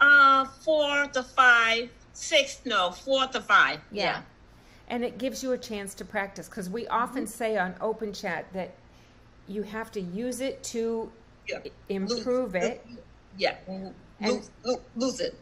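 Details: Adult woman speaking; no speech disorder.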